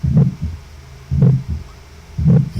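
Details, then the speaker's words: Regular heart sounds with a soft, low, humming systolic murmur: Still's murmur, one of the most common physiological innocent murmurs, without organic, electrocardiographic or clinical damage. "Primeramente, para uno de los soplos fisiológicos más comunes es el soplo de Steele, que podemos escucharlo."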